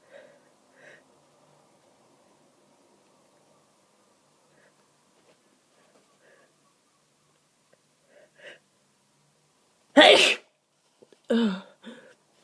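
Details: Adult with a cold and a stuffed-up, snotty nose, sneezing for 30 minutes and stifling because the sneezes grew powerful: quiet sniffs and small stifled catches, then one loud explosive sneeze and two smaller ones.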